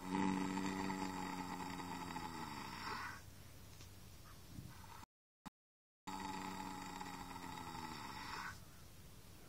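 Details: Horse snoring during an afternoon snooze: two long, rumbling, buzzing snores separated by a brief quiet gap.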